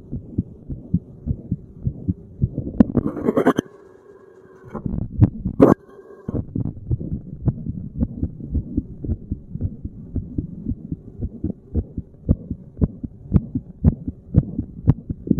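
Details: Regular thumping resting heartbeat of a person sitting, with handling noise as the recording spot on the chest changes; normal heart sounds.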